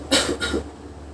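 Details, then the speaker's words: Effective cough in chest physiotherapy on a female patient to expel sputum: after deep breaths she holds her breath, then gives one strong, forceful cough burst with a short follow-on. Rhonchi were absent on recheck afterwards. "hembuskan tai nafas hembuskan tai nafas tahan batuk kan"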